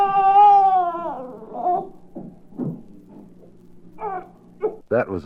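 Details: An infant with a cold fusses and whimpers with snuffly breaths and a brief light wet cough, from a 1967 recording of baby sounds.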